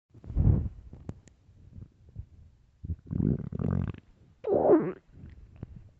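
Loud low gurgling rumbles and a higher squeaky growl in bursts; ordinary stomach growling from gas and fluid moving through the gut.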